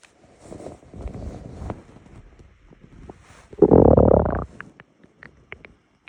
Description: Woke up to my stomach rumbling.